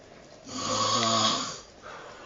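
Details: A man snoring heavily: a single low, rattling snore on one breath in, rising and fading against quiet room noise.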